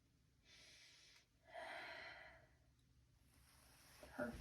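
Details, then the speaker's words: Deep breathing during a nursing head-to-toe lung exam, with the stethoscope on the back: two slow, deep breaths in and out with soft airy noise and no wheeze or rattle; lung sounds were clear and equal bilaterally. "So, your lung sounds were clear and equal on both sides, which is what we want."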